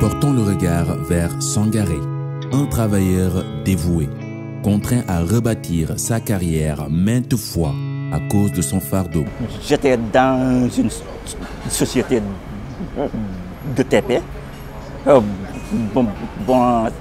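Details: Young Senegalese man who stutters, a political science doctoral student who coordinates a stuttering association in Dakar; stuttering.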